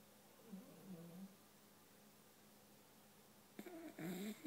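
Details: Snoring from boxer dogs asleep on couches: newly adopted boxer Ruger (one week) plus muffled gorilla-like snores from another boxer in the background; two rough, buzzy breaths with a low rattling tone, separated by quiet.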